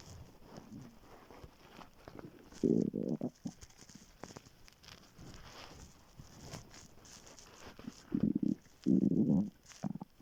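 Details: Morning hunger stomach growling (borborygmi) on waking after being very hungry, before skipping breakfast; quiet gurgles and a few louder rumbling growls over faint background noise.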